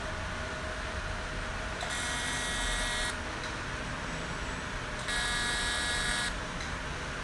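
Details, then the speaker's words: CO2 fractional laser firing on facial skin for open-pore treatment, skin tightening and acne scars: two buzzing bursts of about one second each over a steady room hum. The laser damages collagen and elastin so that collagen remodels after 21 days. "तो ये CO2 fractional machine के through हम skin में जो collagen और elastin उसको damage कर रहे हैं, और ये 21 डेज के बाद ही कोलेजन रिमॉडल होगा, वापस से बनेगा,"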